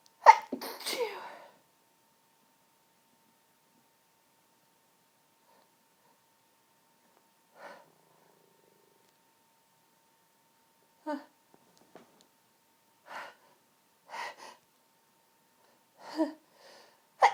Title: 2012 sneeze fit.wmv